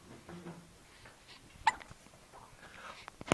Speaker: Hiccups? You have you have hiccups?